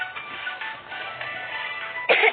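Steady game music plays, then one short, forceful cough burst cuts in at the end: a single cough.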